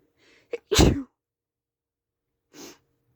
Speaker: I'm just feel really Sneezy right now oh God and I'm going to sneeze